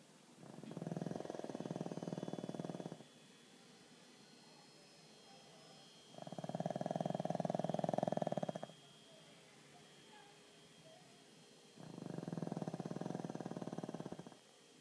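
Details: Loud rattling snores on each breath in, about three in 15 seconds, with quiet pauses between, from a sleeping pug dog.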